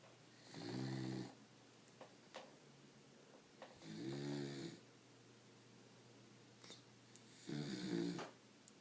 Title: Beagle Snoring